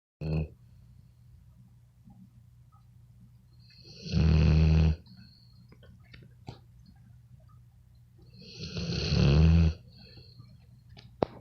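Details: A sleeping pit bull snoring: loud, low, rumbling snores about every five seconds, roughly 12 breaths a minute, quiet in between.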